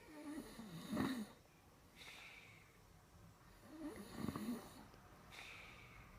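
Two deep, vibrating snores on the in-breath, each followed by a hissing out-breath, roughly three seconds apart: ordinary loud snoring.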